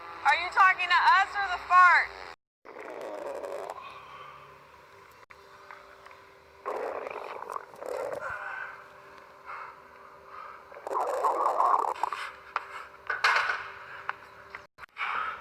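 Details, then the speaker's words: Man's stomach growling, said to be from a diet that upset his system: gurgling, squeaky rumbles and wavering tones in bursts as gas and fluid move through the gut. "Just a tummy gurgle. Diet messed up my system."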